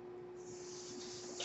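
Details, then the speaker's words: Person's own mechanical ventilator running during spoken commentary: a steady airy hiss with a faint constant hum. "noise you're hearing my ventilator and thank you for tuning in"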